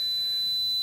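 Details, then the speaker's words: Simulated tinnitus: a steady, pure, high-pitched ringing tone representing constant ringing in the ears 24/7; tinnitus simulation. "That sound there Not good. is awful, and that is the sound of tinnitus, which is a constant ringing in the ears 24/7."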